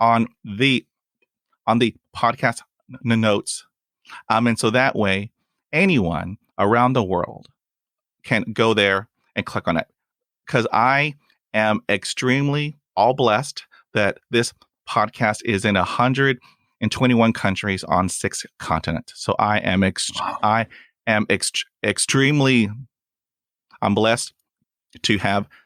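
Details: Stuttering in a real adult male who stutters and says his stuttering is lifelong and comes and goes unpredictably; he reports blocks with long pauses and uses helper words.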